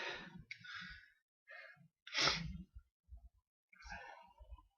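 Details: Natural, unprompted sneezes caught on camera: quick gasping in-breaths build to one loud explosive sneeze, followed by quieter breathy sounds, part of a run of breathless desperate sneezes.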